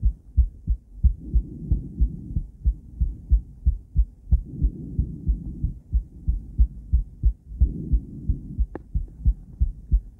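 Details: Cardiac ultrasound of a woman's heart, recorded with a transducer and combined with ECG. Regular, strong low heartbeats at about 91 a minute with whooshing flow between beats; normal heart sounds.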